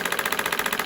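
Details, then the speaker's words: Rapid, regular mechanical clacking from a shockwave therapy handpiece held on a tender adhesion spot in the foot of a patient with plantar fasciitis, delivering acoustic shots; target discomfort five to six out of ten. "okay so we're going to leave it there for approximately 15 to 18800 acoustic shots to break that up"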